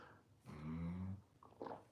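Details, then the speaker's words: A Labrador that snores loudly, heard in the background of a live stream: a low, droning, fluttering breath sound under a second, then a fainter snuffle; dog snoring. "might hear that noise in the background it sounds like a snoring animal let's listen if you stop now you will you will hear it that's my dog her name is um Lucy she is an um she has a labrador that snores loudly"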